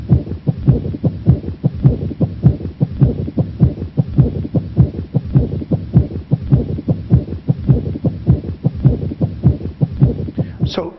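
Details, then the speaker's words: Pericardial friction rub: regular heart sounds with a scratchy, leathery extra noise riding each beat. "a pericardial friction rub i hope you can appreciate it i hope you can hear it pericardial friction rub now that pericardial friction rub is scratchy or leathery or rubbing against it"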